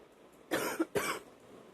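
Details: Night-time wet cough that wakes the person, who then spits up: two harsh, loose bursts in quick succession with a moist, rattly, productive quality.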